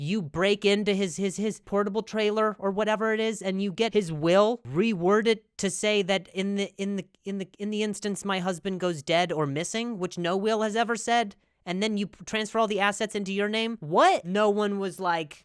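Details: Adult male comedian who stutters, with audible word and phrase repetitions; stuttering.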